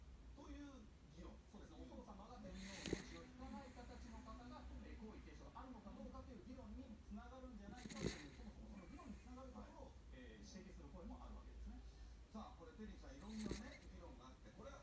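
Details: Miniature Dachshund snoring: quiet steady rattling breath noise under a continuous low hum, with faint snorts.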